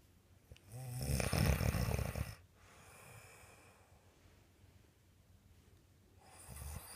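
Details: Loud, rattling snore on an in-breath, then a quieter out-breath and the start of the next snore; ordinary snoring.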